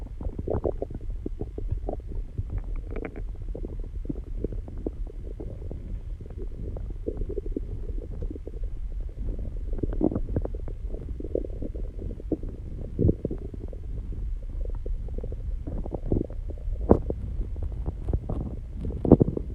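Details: Own stomach recorded after exercising and calming down; continuous low gurgling and rumbling with scattered louder bubbling bursts from gas and fluid moving through the gut: borborygmi.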